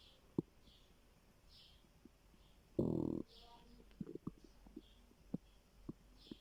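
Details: Stomach growling from hunger: quiet scattered gurgles and clicks with one brief louder growl; normal borborygmi.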